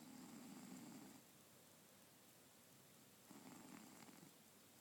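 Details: Cat snoring gently in sleep: two soft, low rumbling breaths with a quiet pause between; very faint, needs near-maximum volume to hear.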